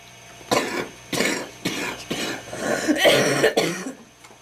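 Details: Girl who smokes homegrown tobacco, saying it hurts and something is in there: about six harsh, forceful, throaty coughs in quick succession; repeated coughing fit.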